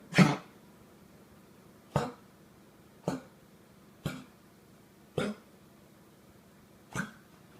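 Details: Six short, abrupt coughing bursts from a dog over about seven seconds, the first loudest, with quiet room noise between; a repeated cough.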